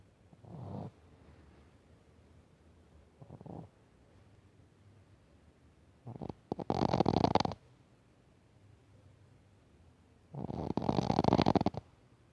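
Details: Shih Tzu dog asleep: three rough, fluttering snoring bursts a few seconds apart; owner says he sometimes snores until he chokes and runs short of air depending on sleeping position, or after drinking water too fast.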